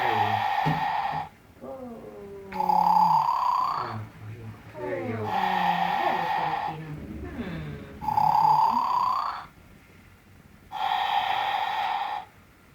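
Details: Sleeping dog with rhythmic nasal snoring and snorting, long whistling-moaning breaths in and out; ordinary snoring.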